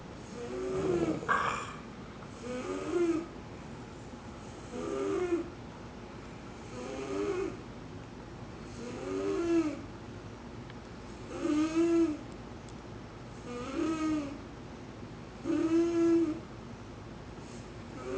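Regular whistling, fluttering snores about every two to two and a half seconds, roughly 14 per minute, over quiet room noise.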